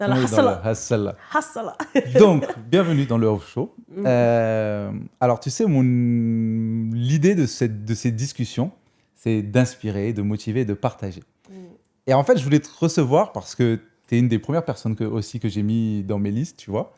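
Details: Adult woman speaking French; ordinary speech.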